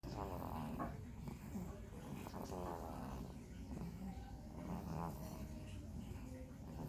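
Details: A sleeping baby snoring: soft, rattly breaths with a low, rough noise on each breath over steady background noise.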